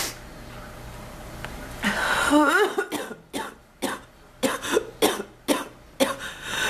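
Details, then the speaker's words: Adult woman with an ongoing cough after earlier bronchitis, complaining of chest discomfort: a strained, groaning breath, then about eight short, dry, hacking coughs; frequent persistent cough. "I want to stop coughing, please. Oh, my chest. I'm never going to get anything done."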